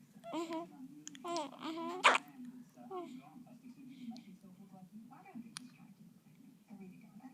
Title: Newborn's squeaky hiccups